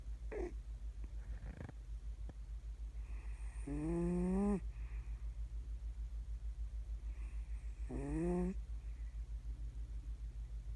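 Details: Snoring from an unnamed sleeper other than the person recording: two drawn-out, rising, whistling, tonal snores over a steady low hum; snoring.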